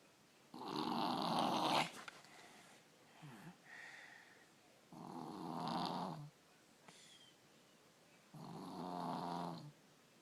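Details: Loud, rough, rattling snores on each breath from a sleeping 3-year-old with strep throat, a habitual snorer now worse; three in about ten seconds with quiet pauses, heavy and obstructed-sounding; ENT visit considered; snoring.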